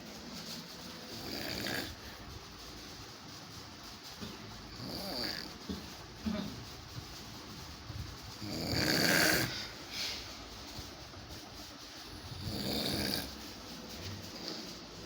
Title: fat man snoring hard #alishahkaif #moreviews #viralvideo #youtubeshorts